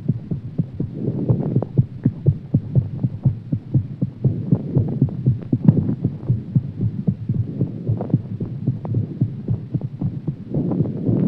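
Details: Heartbeat after exercise: rapid, strong, regular beats at about 120 per minute over a steady low hum.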